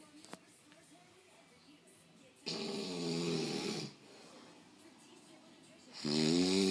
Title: Pig snore